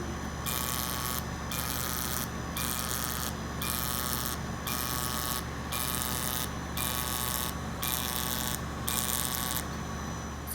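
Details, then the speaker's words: Fractionated CO2 laser firing during lower-eyelid and crow's-feet skin resurfacing, second superficial Active FX pass for blending and pigmentation; steady machine hum with regular high buzzing bursts about once a second as pulses fire in a randomized dot pattern. "this laser is fractionated CO2, and what that means is it comes out in almost a pixel pattern, and so it comes out in kind of this randomized dots."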